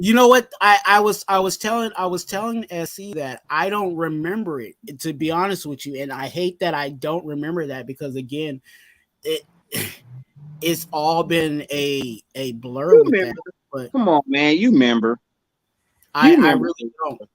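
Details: Stuttering in an adult male, severe in childhood and now milder but still slightly present in his speech.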